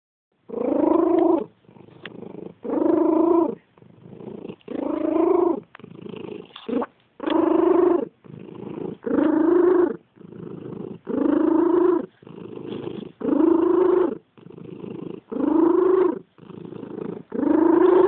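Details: Cat purring with loud, wheezy, tonal, whistling breath sounds on each cycle; noisy wheezing purr.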